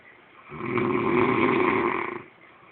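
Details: One long, loud rattling snore on an in-breath lasting about two seconds, likened to a horse, with quiet room noise around it; snoring.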